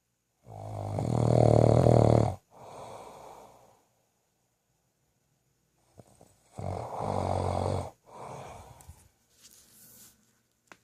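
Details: Loud, deep rattling snores, each followed by a softer breath-out, two cycles over about ten seconds; snoring.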